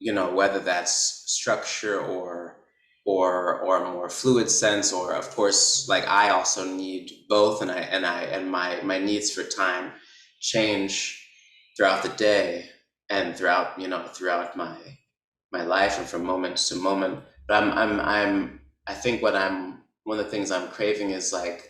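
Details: Adult male artist who stutters, speaking with repetitions; stuttering.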